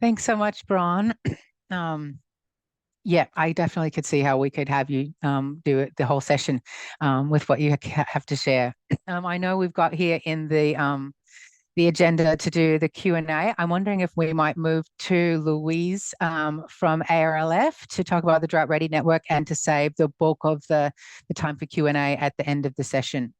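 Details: Adult speaker; normal speech.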